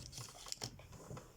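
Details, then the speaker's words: Glass medication ampoule snapped open between ring finger and thumb, dot or label side facing the preparer, while drawing up a drug: quiet handling rustle, then a brief sharp glassy snap. "düzleri kısmı dokunmuyoruz şöyle buna taktık ve ampulü müzü kırıyoruz"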